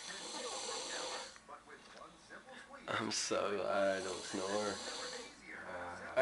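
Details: Heavy snoring in a sleeping boy: loud, rough, rattling snores with harsh breathy noise between them; observer worries he may be choking.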